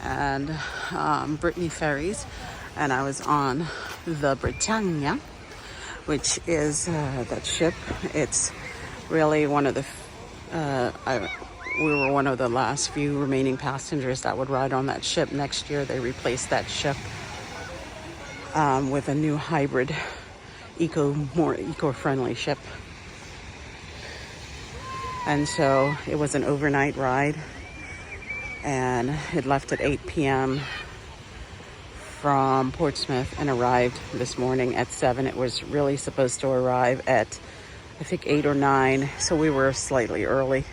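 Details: Adult man with intermittent vocal fold paralysis, which he calls part of his disability, treated with speech therapy and getting a little better; shaky voice; vocal fold paralysis.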